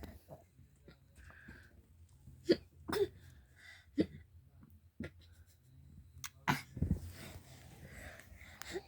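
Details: Baby hiccuping while laughing: irregular short, abrupt hiccups, about 15 a minute, mixed with soft laughter.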